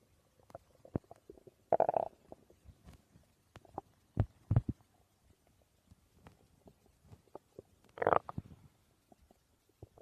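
Irregular gurgles, squelches and short rumbling bursts with quiet gaps between; normal stomach growling from gas and fluid moving through the gut.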